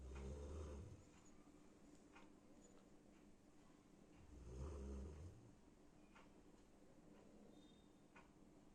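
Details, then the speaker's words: Loud snoring from a sleeping golden retriever covered with a sheet: two deep, rumbling snores about four seconds apart with quiet breathing between. "বন্ধুরা আমি এনার নাক ডাকা আপনাদের শোনাচ্ছি এনা ঘুমাচ্ছে এবার দেখবেন কত জোরে জোরে এনার নাক ডাকছে"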